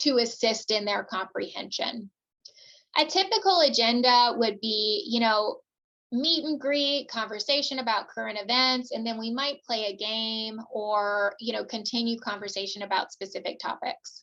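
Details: Adult woman speaking; normal speech.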